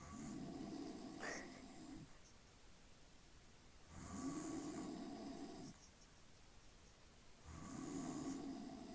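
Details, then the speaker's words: Father asleep, snoring: slow, rhythmic rumbling snores on each inhalation, about three in nine seconds, with quiet gaps; someone says in Filipino "you snore loudly" and calls "Honey?" "Lakas humilik ka. Honey? Honey?"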